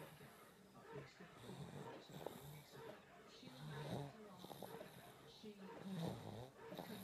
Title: Baby snoring